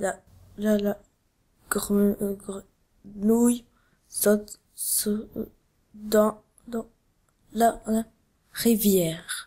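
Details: Animated character in an educational film, voiced to demonstrate stuttering in French with sound repetitions, some prolongations and complete blocks; stuttering.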